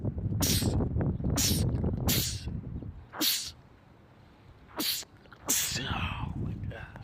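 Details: Male rapid sneezing attack from a sneezing compilation: six sharp sneezes in quick succession over about seven seconds, brief breaths between, background noise; sneezing fit.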